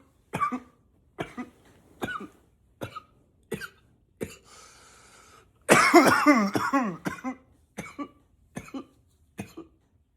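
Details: Acted, voluntary coughing, sometimes in a deeper voice: roughly a dozen short, sharp coughs with a longer noisy throat-clearing cough in the middle.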